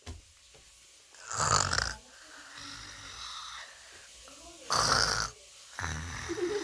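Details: Imitation of a father's snoring: loud rattling snore-like breaths, two main bursts with softer breathing between them.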